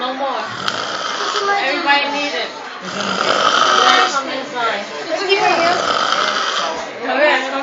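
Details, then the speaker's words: Snoring contest: loud, rough, rattling snore sounds repeating roughly every two seconds, with voices in the background. "this is the competition of snoring one two three see how many smalls you could get the loudest"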